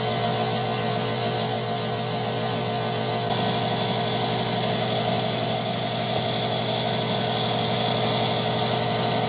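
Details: Loud, steady mechanical buzz and hiss of a compressor nebulizer giving vet-prescribed vaporized medication to a guinea pig with a minor upper respiratory infection, no animal sounds heard; nebulizer running.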